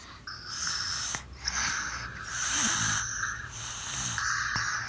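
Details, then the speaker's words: Slow, rushing, slightly snorty open-mouth breaths during sleep in a 3-year-old girl with severe grade 4 tongue tie, before tongue-tie surgery: noisy mouth breathing, lips apart, tongue low. "see that she's mouth breathing put the lips apart with tongue in a low position and the breathing is noisy in quality"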